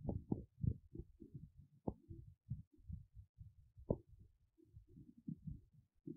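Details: Woman's big belly, hungry, empty and hollow: irregular low gurgles, squelches and hollow rumbling pops, hunger-related stomach rumbling (borborygmi).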